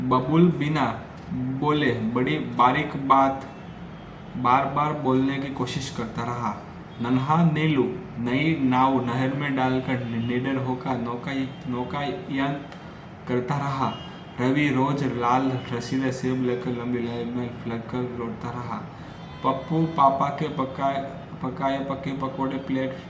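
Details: Stuttering in an adult man who says he stammers, reading Hindi tongue twisters as a fluency practice exercise.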